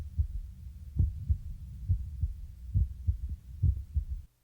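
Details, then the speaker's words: Stethoscope diaphragm about two inches below the left nipple, toward the chest centre, in a vital-signs training: low lub-dub heart sounds, roughly 70 a minute, counted for one minute; a heartbeat. "adjust the position of the diaphragm until you can hear the heartbeat clearly then begin to count the heartbeats for one minute each lub dub sound is one beat"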